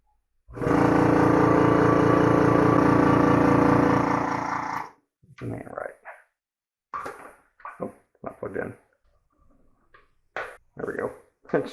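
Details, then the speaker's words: Home suction machine, used to clear secretions for a child with seizures and disabilities, running during cleaning to draw hot water through its tube: steady loud motor drone with rapid pulsing buzz for about four seconds, then stops. "then i'm actually just going to turn this on and suck it into there so that it cleans out this tube as it"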